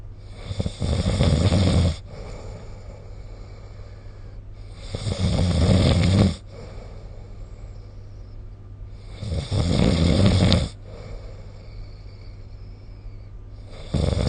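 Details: Snoring recorded during sleep with the SnoreLab app: loud, harsh, rattling snores lasting over a second each, about four seconds apart (roughly 14 a minute), with faint breathing between.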